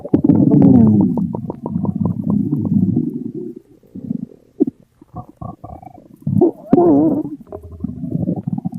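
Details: Loud, long, low gurgling rumbles with rapid bubbling pops: exaggerated comedic stomach growling from a game character (T Mobile Bot), a hunger joke, not a real recording.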